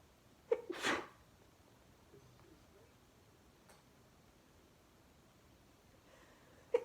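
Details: Sneezing fit of 26 sneezes caught while watching TV: one forceful sneeze, a quiet stretch with faint breaths, then the start of another sneeze.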